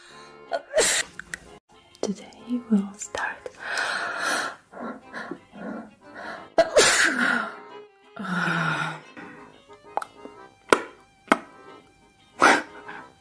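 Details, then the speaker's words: Girl with possible allergies or sinus trouble: several sharp, explosive sneezes between short vocal sounds over background music; repeated sneezing. "oh my gosh 12 seconds later what are you doing no does that mean I'm done I can't control my bodily functions"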